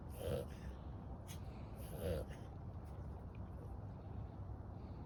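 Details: Dog with suspected tracheal or kennel cough, owner unsure which: two harsh, honking coughs a couple of seconds apart with quieter noisy breathing between.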